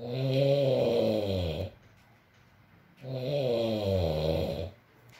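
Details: ASMR recording of a sleeping adult male: two long, loud, rattling inspiratory snores, each about one and a half seconds, separated by quiet pauses; heavy snoring.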